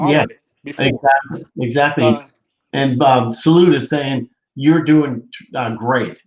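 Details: Adult speaker; typical speech.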